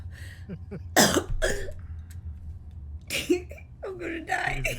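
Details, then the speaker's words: Streamer with hiccups: short gulping catches merging into harsh voiced bursts, a hiccup combined with a cough producing an odd growly noise; says it hurts afterward. "You just sounded like a Wookiee. You're looking. That's what happens when you hiccup and cough. It's turn into a Wookiee."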